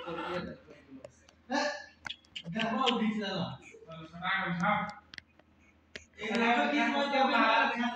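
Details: Newborn just delivered by caesarean section, Apgar score 7, during cleaning with baby oil: bursts of strong, high-pitched crying separated by short breaths; a vigorous newborn cry.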